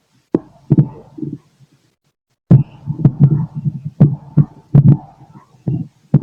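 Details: Adult male's own stethoscope recording late at night: low heartbeat thumps mixed with soft gurgling bowel sounds from ordinary digestion of the day's food; normal bowel sounds with heartbeat.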